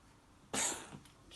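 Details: Cat coughing, owner mentions sputum and suspects bronchitis: a single short, harsh, moist cough.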